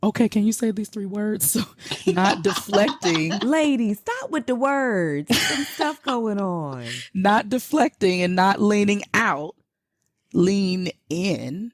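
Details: Stroke survivor with aphasia from brain damage after stroke, speaking in a podcast conversation; aphasia.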